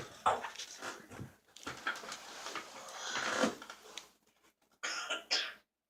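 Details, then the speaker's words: Someone with a cold, runny nose and bad cough at bedtime: coughing; cough. "Oh. Got a runny nose too. And a bad cough."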